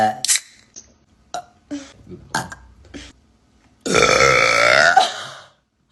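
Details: Person burping, saying one was stuck in their belly: short vocal sounds, then a long, loud, croaking belch lasting over a second.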